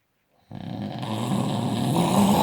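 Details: A single loud, rough, rattling breath in after silence; snoring.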